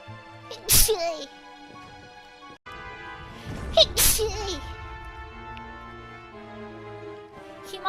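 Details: Streamer sneezing during a live stream: two sharp, loud sneezes a few seconds apart over background music; ordinary sneezing.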